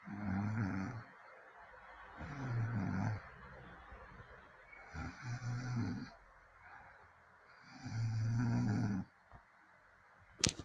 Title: My snore 💗